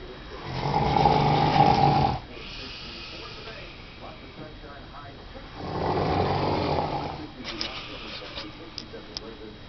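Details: Snoring.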